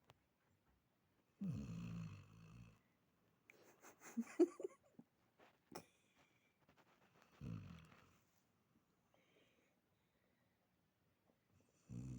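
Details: Older female dog with pemphigus foliaceus and a previously removed carcinosarcoma, snoring in deep sleep: two loud, rough snoring breaths about six seconds apart with soft snuffling between.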